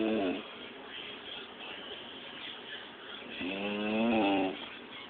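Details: Snoring: two drawn-out, buzzing, pitched breathing sounds separated by a quiet stretch.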